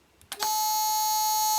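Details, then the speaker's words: A few clicks, then a loud, steady, high-pitched alarm tone from a Dräger PM 8030 anesthesia monitor as its power button is pressed while it is not connected to mains. The suspected fault is a dead timekeeper RAM battery causing a reboot loop. "will scream when I press bees power button"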